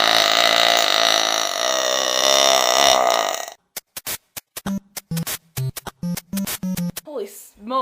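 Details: Long, loud, voiced belch followed by a run of short clipped sounds with a brief voiced tail; the burper then reports a headache and a sore throat; deliberate burping.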